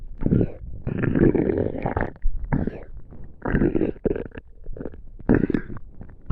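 Loud, low, drawn-out gurgling rumbles in several bursts: stomach rumbling, normal bowel sounds of digestion.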